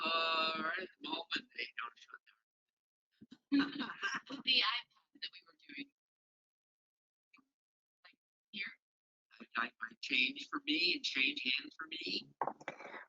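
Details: Man with fluent aphasia who did not seem to understand the questions asked, giving responses that did not match them; Wernicke's aphasia.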